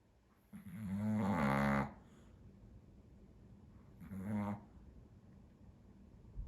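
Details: Snoring: two vibrating, droning snores on the in-breath with a quiet pause between them.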